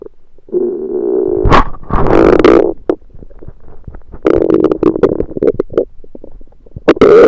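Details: Borborygmi: loud, prolonged gurgling and rumbling belly noises with bubbling pops, late after eating a home-cooked meal the person thinks was undercooked, late February 2023.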